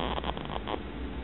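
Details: Soft, low rumbling breath sound with a faint fluttering quality from a sleeping cat over steady low room hum: cat snoring.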